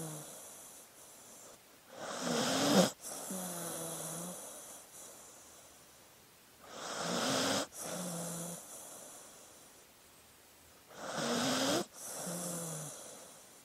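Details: Sleeping dog: three rasping, fluttering snores with soft whistling out-breaths, about 13 a minute; ordinary snoring.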